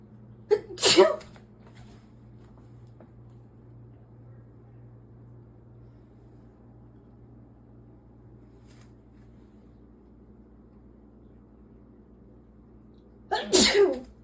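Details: Two explosive sneezes about twelve seconds apart over steady engine hum from a female with May allergies after weeding; allergic sneezing.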